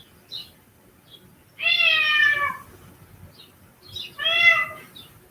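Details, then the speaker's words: Male cat crying a lot one week after surgery, heard in the background: two drawn-out meows with soft chirps between them in a quiet room. "my cat had surgery last week and he's been crying a lot so you might know him in the background"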